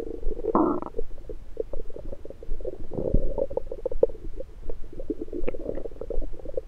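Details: Continuous low gurgling and bubbling with frequent short pops, recorded over the abdomen with an electronic stethoscope in the morning after breakfast; ordinary active bowel sounds.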